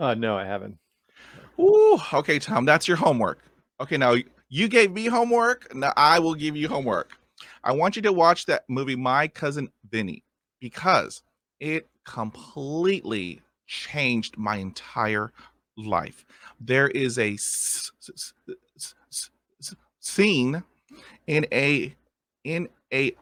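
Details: Adult male who stutters, with sound repetitions; stuttering.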